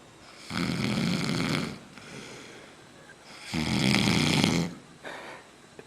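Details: Person sleeping off a night out drinking in San Jose, Costa Rica, snoring loudly: two long, deep, rumbling snores a few seconds apart with quiet breathing between. Drunk snoring.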